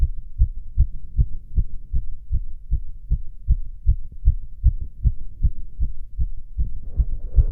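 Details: Self-auscultation while standing (orthostatic) and sitting: rapid, regular heartbeat about 150 per minute, clean sounds, no extra noises; tachycardia with otherwise normal heart sounds.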